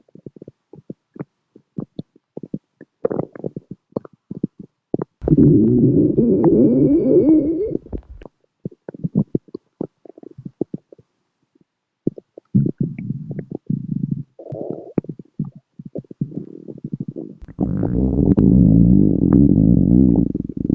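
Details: Bursts of clicks and long gurgling rumbles from the belly, with background music throughout; stomach growling (borborygmi).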